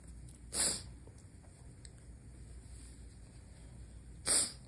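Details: Nighttime sneezes held back to avoid waking a sleeping partner: two short, hissing, muffled bursts about four seconds apart over quiet room noise; stifled sneezes.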